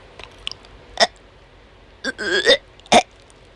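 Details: Woman in an asthma attack during a chronic migraine episode, unable to stop coughing and vomiting repeatedly: abrupt harsh cough bursts around a strained, voiced gagging sound, coughing provoking retching.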